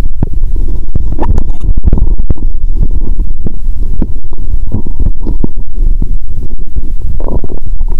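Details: Stethoscope over a woman's upper stomach after drinking cola with Mentos. She feels full and has burped. Dense low gurgling and bubbling with frequent pops and rumbles, a different, burp-like sound. Active bowel sounds.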